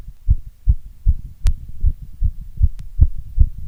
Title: Strong Heartbeat sound❣️